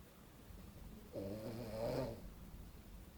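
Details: Man napping after a messy night out, giving a single rough, rumbling snore on an inhaled breath lasting about one second; snoring.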